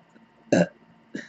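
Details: Adult woman's burp, loud and voiced, lasting about a fifth of a second, followed by a softer short one; she reports hiccups during the recording.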